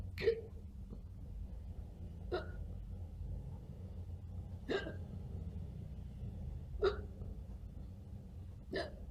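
Five short, sharp hiccup sounds about two seconds apart, possibly faked, over low background hum.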